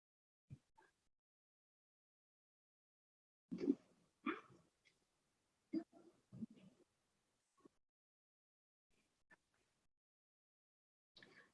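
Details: Pre-operative voice of a two-year-old boy, born premature, with vocal fold paralysis after PDA ligation; dysphonia from unilateral vocal fold paralysis.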